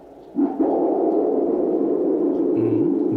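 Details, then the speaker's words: Doppler ultrasound of leg veins in varicose veins: prolonged whooshing flow signal of blood flowing backward; venous reflux. "네, 바로 이 소리는요. 대표적인 정맥 질환이죠. 하지정맥류에서 우리가 뭐 일명 피가 역류하는 소리입니다. 네, 저희가 이제 무섭다. 하지정맥류를 진단하기 위해서는 도플러 초음파를 보게 되는데요. 이 도플러 초음파 상에서 혈액이 역류하면 이런 소리가 발생하게 됩니다."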